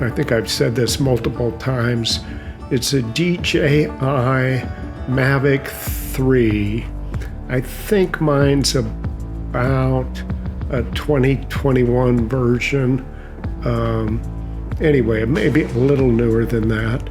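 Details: Adult male narrator who says he has a mild essential tremor that causes an audible voice tremor; essential voice tremor.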